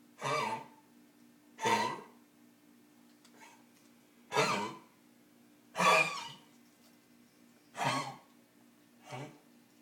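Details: Six forceful, harsh coughing bursts from a bear, a second or more apart, plus one faint one, over a steady low background hum; repeated coughing.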